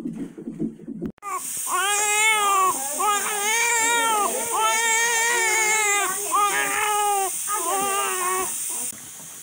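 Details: Repeated strong, clear wailing cries of a newborn baby girl just after birth in hospital, with a steady high hiss and faint music in the background; newborn cry.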